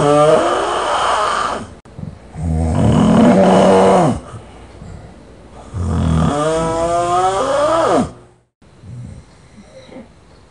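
Loud, rattling snores on each breath in, with quieter breaths out between them, about 18 breaths a minute: heavy snoring.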